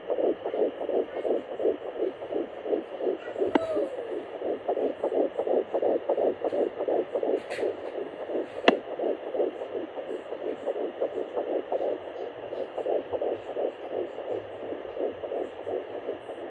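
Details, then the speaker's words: Fetal heartbeat at 10 weeks 1 day of pregnancy on an at-home fetal Doppler: rapid, regular whooshing pulses at about 170 a minute; the device's rate readings fluctuated and are considered unreliable. "so there you have it my baby's heartbeat or heart rate at 10 weeks and one day pregnant as you guys saw the numbers were all over the place so this is not a very reliable source of actual numbers"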